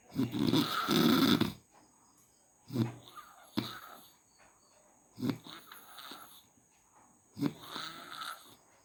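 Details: Daytime snoring: rough, rattling snores with each breath, four cycles in about nine seconds, with softer whistling between them.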